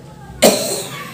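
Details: A single loud, harsh cough burst after quiet, fading out over about half a second, from a patient presented as a cough case treated with Kali bichromicum.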